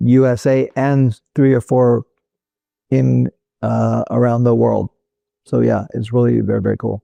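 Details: Adult male former critical care and flight paramedic with Broca's (non-fluent) aphasia caused by a stroke in 2007; finding: Broca's aphasia.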